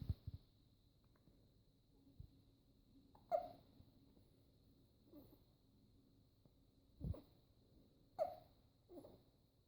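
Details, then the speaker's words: Infant during tummy time with hiccups: a few brief, sharp catches spaced several seconds apart in a quiet room. "Uh-oh, you got hiccups?"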